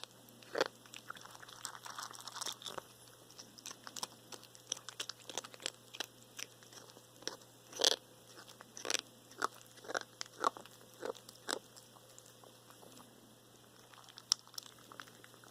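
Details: Cat losing weight, eating less than needed, normal blood tests, dental cleaning didn't help: irregular crunching and sharp clicking noises while chewing food; abnormal chewing noise, cause unknown.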